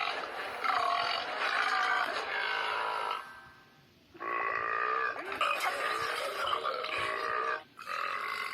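Two long, drawn-out voiced belches and the start of a third, with a short quiet gap between them. Loud burping.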